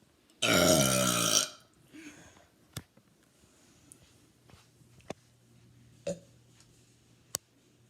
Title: Burping once more